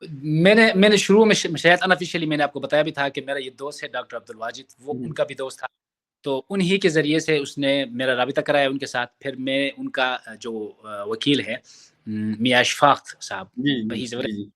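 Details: Adult man in Pakistan who stammers and has largely worked on his stammer, but still stutters at times; stuttering.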